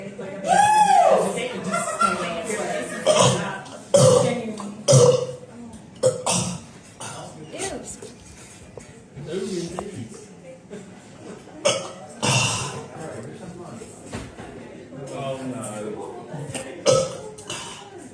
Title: Me drinking coke and letting Mother Nature take its course lol #standupcomedy #cocacola #burping